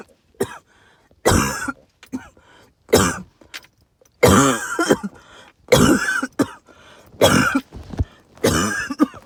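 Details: Repeated harsh hacking coughs in several bursts with lots of whistling, tight wheezing between brief pauses, recorded amid tree pollen and mold spores.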